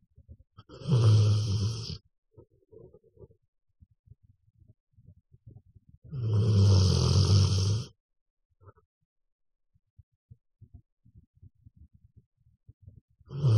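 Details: Loud, rough, low rattling snores about two seconds long, repeating roughly every six seconds, with quiet breathing between them; snoring.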